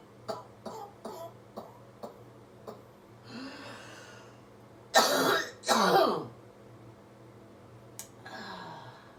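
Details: A surgeon with COVID-19 infection on day 19, on Augmentin, lying on her back after chest percussion doing breathing technique: short huffing breaths build to two forceful harsh coughs and a throat clear; loose productive cough clearing phlegm.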